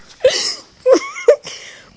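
Three sharp, abrupt voiced catches in the throat, each followed by a short trailing breath. Repeated hiccups.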